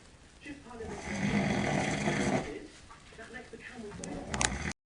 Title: Woman snoring really loud!!